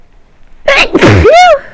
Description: Caught a cold and was feeling quite sneezy